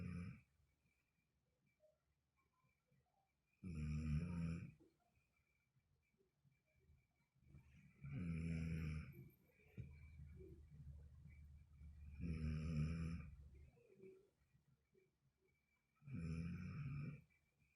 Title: Suara ngorok termerdu 😆